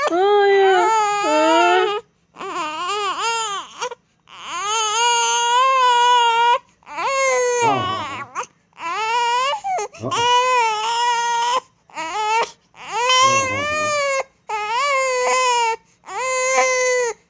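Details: Loud, strong crying in long wails with brief breaths between from a 2-month-16-day-old baby: ordinary infant crying.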